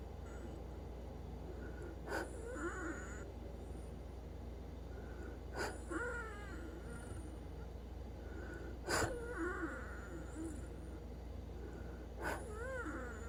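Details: Wheezing during sleep, sometimes after 5 PM on 4/7/24, ahead of an upcoming CT scan; sleep breathing at about 18 breaths a minute, each breath followed by a brief squeaky, whistling wheeze.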